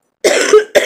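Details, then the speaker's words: Two coughs, the first a harsh burst, from an adult recovering from a cold with chest congestion, recent body chills, mild fever and runny nose; a chesty cough said to be improving. "and this daggone cough but um it's getting better even though I I may not sound that good"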